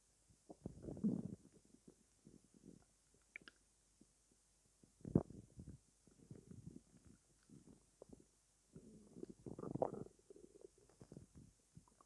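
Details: Stomach growling at night after not eating all day: low gurgling and rumbling bursts, borborygmi from an empty stomach.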